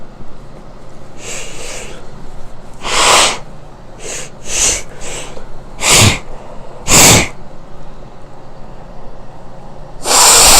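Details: Person sneezing, self-recorded, with a nosebleed and nasal crust afterwards: a run of about eight sharp, forceful sneezes, some stifled, against steady room noise.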